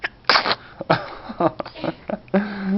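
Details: Infant's several short, sharp sneezes with small baby-like vocal sounds, then a brief voiced coo, while a caregiver coaxes the baby to smile and say hi to grandma: sneezing.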